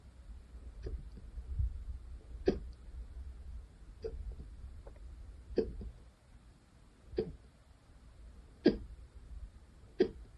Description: Second time having them today!!